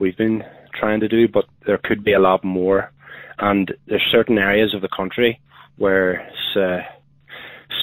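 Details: Adult man who has a stammer and uses voluntary stammering to help control his flow; stuttering.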